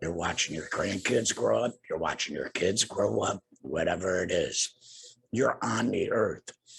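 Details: Adult man two years after total laryngectomy for cancer, also treated with radiation and chemotherapy; no larynx, breathes through a neck stoma, speaks via tracheoesophageal puncture voice prosthesis with an HME: tracheoesophageal speech.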